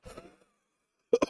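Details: Adult recovering from pneumonia, who mentions wheezing: cough heard during a livestream.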